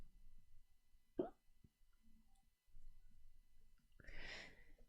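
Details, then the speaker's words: Single abrupt sharp hiccup from an adult woman who has been drinking alcohol since morning, against quiet room noise, with a brief rustling burst later; hiccups. "I got hiccups do we sell her no we're gonna get the Leona later do we sell her oh no I get hiccups"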